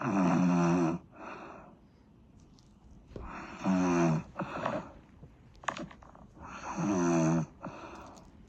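Loud, buzzing snores with a rough vibrating tone, three in about 8 seconds, with quieter breathing between them.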